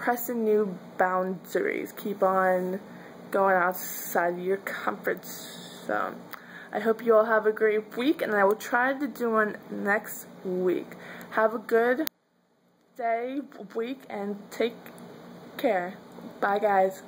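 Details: Adult woman who says she stutters; stuttering.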